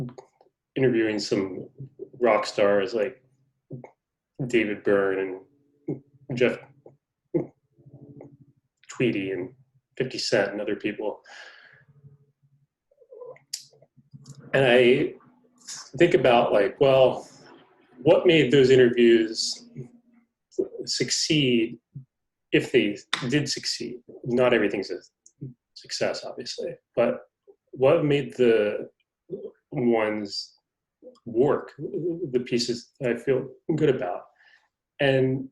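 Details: Adult man who stutters, described by the host as having a pretty good stutter going on; stuttering.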